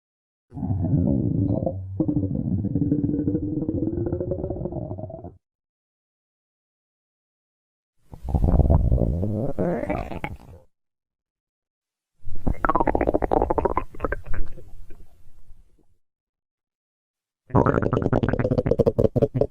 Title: Stomach Growls 2